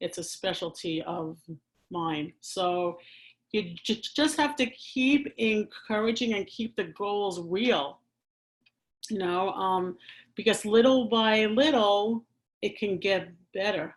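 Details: Adult woman who stammers and works with people who stammer, speaking conversationally; stuttering.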